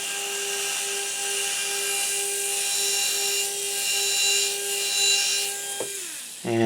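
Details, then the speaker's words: Steady high-pitched whine with slight rises and dips, then winding down, from a 1.2 mm pilot drill pumped in and out following ridge morphology to prepare a SATURNO implant site in an upper maxillary arch model. "now first step is we go ahead and take our 1.2 mm pilot drill with the proper angulation I'm going to angulate here following the ridge morphology and slowly pumping in and out allowing for nice proper implant position"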